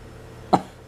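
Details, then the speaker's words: Young boy with croup, hoarse voice ("sounds like a seal") per parent: one short, low, hard croupy cough over quiet room noise. "你在你的嗓子有点嘶哑了？（模仿青蛙）你听起来像一个密封。"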